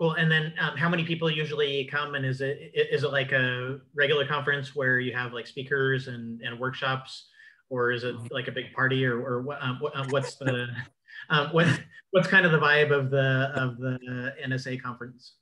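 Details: Adult man with self-reported cluttering involving repetitions, interjections, revisions and telescoping, especially when talking fast: cluttering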